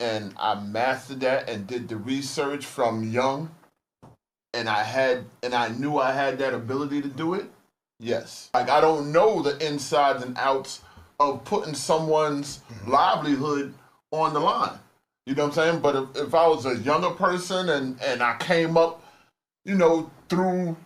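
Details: Adult man speaking; conversational speech.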